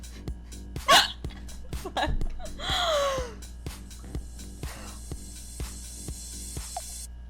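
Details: A streamer has intense hiccups: repeated short, abrupt vocal jolts mixed with gasps and laughter over background music.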